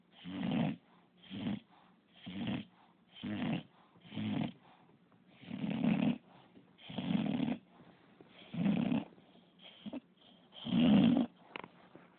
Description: Pup.. an english bulldog who snores.. 24/7